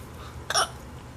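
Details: Young child (Sylas) hiccuping for a long time while talking and playing a game, possibly after drinking milk: a single sharp, abrupt hiccup over quiet room noise.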